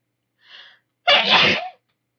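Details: Single loud, explosive sneeze after a soft inward breath, with a trailing voiced end, from a female with a nasty cold who can't stop sneezing and sniffling.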